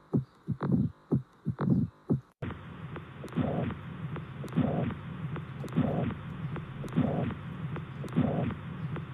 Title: Heart Sound